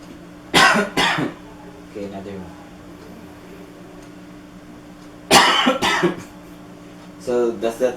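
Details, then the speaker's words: Nurse's simulated demonstration of post-surgical coughing exercise, pillow held against the stomach: inhale through the nose, then two sharp, deliberate coughs, a short pause, another pair starting; a voluntary cough. "So it's the same process. You inhale to the nose and cough 2 times."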